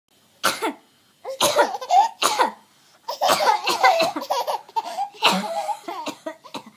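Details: Mother coughing with laughter mixed in: a single cough, then two longer coughing spells.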